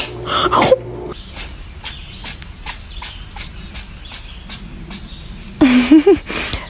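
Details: Cat sneezing repeatedly in a run of about a dozen quick, sharp little sneezes, with a brief voice at the start and laughter-like voicing at the end.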